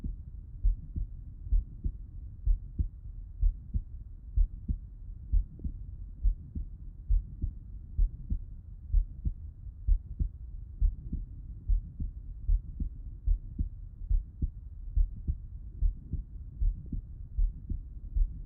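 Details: Heart auscultation with the person lying on the left side: steady low heartbeat thumps at about 64 beats a minute; normal heart sounds with no added noises.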